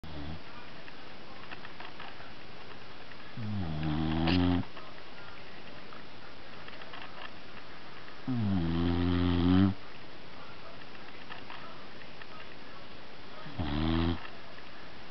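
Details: Pet dog snoring heavily while asleep: three loud, low, buzzing snores on in-breaths over 15 seconds, with quiet pauses between them.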